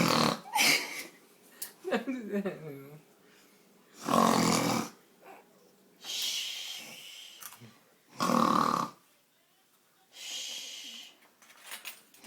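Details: Loud, harsh snores about every four seconds, with a startled baby making brief fussy sounds between.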